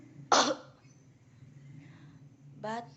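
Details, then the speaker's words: Series of demonstrated cough types (e.g. "pretty," "TikTok-addicted," "crazy person," "normal" coughs) performed as a comedic imitation; cough. "Hello girls, tipe-tipe batuk orang cantik. Batuk cantik. Batuk so cantik. Batuk kecanduan TikTok. Batuk orang gila. Batuk normal."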